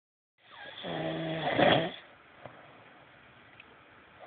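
One rough, rumbling snore on an in-breath that rises and then fades, followed by quiet room noise.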